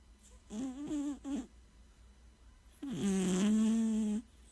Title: Cute cat snoring - so cute !!